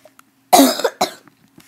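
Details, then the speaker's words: Sick person woke at 5 a.m. with a painful barking cough, stuffy nose and head pain: two harsh, hoarse cough bursts with a rough, barky quality; barking cough. "I just woke up, like, 5 o'clock in the morning this morning. And I was, like, doing, like, a barky cough, like,"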